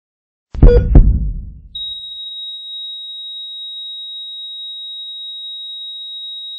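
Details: Hospital heart monitor sound effect: two quick beats, then a steady, unbroken high beep. The continuous flatline tone of a heart monitor.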